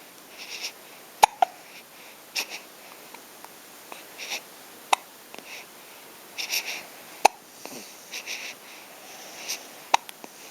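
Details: Sharp, abrupt hiccup clicks recur every few seconds, about five in ten seconds, among soft breathy sounds; hiccups.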